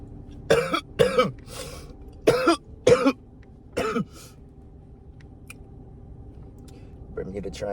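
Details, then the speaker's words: An adult gives about six harsh, rasping coughs in a row after inhaling a Bermuda Triangle hit, then falls quiet; the coughing reportedly went on for two to three minutes. Cough after smoking. "Mind you, I was coughing for two to three minutes, my [ __ ] I was coughing two to three minutes."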